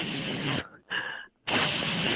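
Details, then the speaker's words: Voiced imitation of a lung wheeze heard on stethoscope auscultation, not a real recording: hissing breath noise with a brief high whistling tone; wheeze (vocal imitation). "esse paciente por exemplo quando você vai fazer ausculta pulmonar dele com um estetoscópio por exemplo você escuta assim ó ó"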